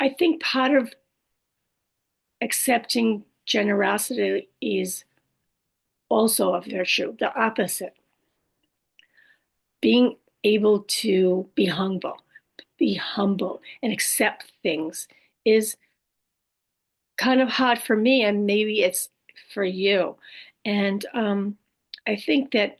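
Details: Adult woman after a stroke with aphasia (language disorder) plus apraxia of speech and dysarthria; her speech can sometimes be hard to understand; aphasia with apraxia of speech and dysarthria.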